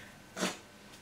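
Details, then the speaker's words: Pet dog snoring after rolling over to go to sleep: a single brief, noisy snorting breath rising out of quiet room noise. "can you hear peanut snoring she's finally decided this to roll over and go to sleep"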